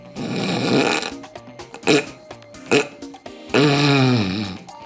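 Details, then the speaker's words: Obstructive sleep apnea: harsh, rasping snoring broken by short choking snorts, like being strangled as the airway blocks and breathing nearly stops, then a cough-like, strained, groaning breath. "你这感觉是被人家掐脖子。对，他就是掐脖子，因为呼吸已经阻塞，快要断气了，所以对，然后接下来会像咳嗽一样，他就像呛到一样，真的假的？"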